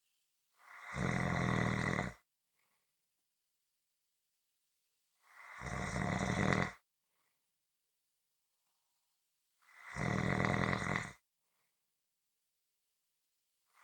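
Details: Loud, harsh snores on each breath in, about every four and a half seconds, with silence between; regular snoring during sleep.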